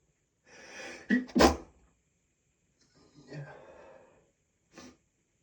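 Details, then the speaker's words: An adult male gives a breathy build-up and a muffled, held-in sneeze, then another partly stifled sneeze and a short burst. He stifles the sneezes with his hand and mouth closed during a strong sneezing fit. "Sorry. Couldn't stifle that one."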